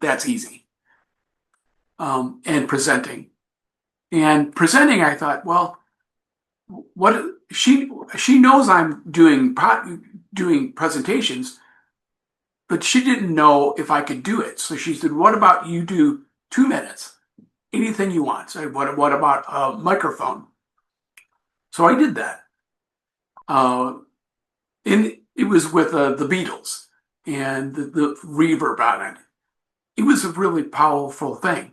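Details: Adult man with aphasia after an accident. He says recovery is a long road but he is getting much better. Finding: aphasia.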